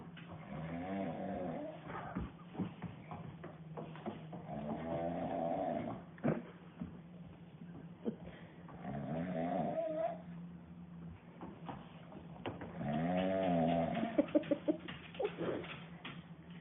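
Loud rattling snores on each breath in, about four cycles over sixteen seconds, with a steady low hum in the room.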